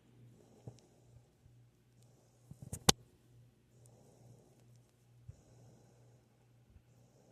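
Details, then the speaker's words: Rottweiler puppy fast asleep after being picked up and set down: quiet, soft rhythmic breathing with faint hissing and a few sharp clicks; gentle puppy snoring. "I picked her up and set her down and now she's fast asleep and snoring to beat the band"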